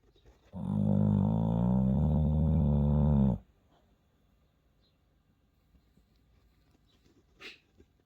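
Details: One long, low, fluttering rumble of about three seconds from a sleeping dog, then a quiet room: dog snoring.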